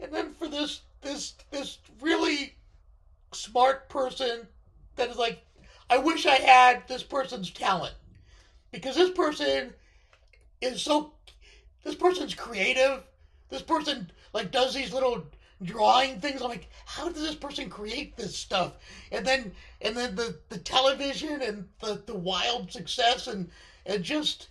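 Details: Unilateral left-sided vocal cord paralysis in a male speaker after partial left lung removal (lobectomy), limiting voice control; a thoracic surgeon recognised the paralysis from his voice.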